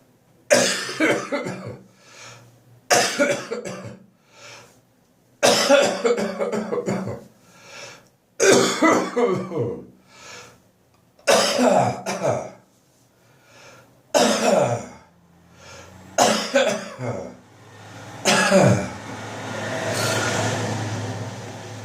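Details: Adult with bronchitis that developed from a cold cough, now improving: repeated harsh, wet, chesty coughs in bouts with throat clearing, ribs, belly and back hurting. Productive (wet) cough.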